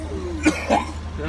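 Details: Two short harsh cough bursts over low rumbling car-audio bass; a brief coughing spell from a person in a truck after extreme subwoofer bass exposure.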